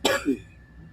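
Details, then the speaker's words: A single sharp adult cough quickly followed by a brief throat clear during a live call-in discussion, with no wheeze or rattle. "Sorry, I'm coughing. I can hear it."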